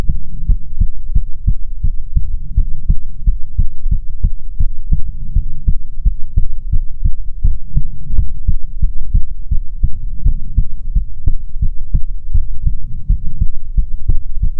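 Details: ASMR heartbeat recording, presented as soothing heartbeats from a female persona: steady, deep thumps, roughly 80 per minute, even rhythm with a soft hum underneath; normal heartbeat.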